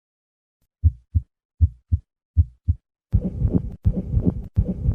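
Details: Two-component pericardial friction rub.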